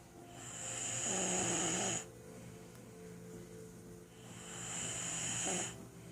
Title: My snoring mom and marshmallows kittens